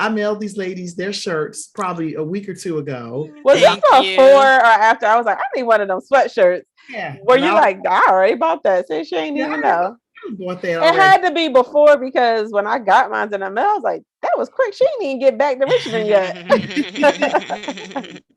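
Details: Adult woman speaking; normal speech.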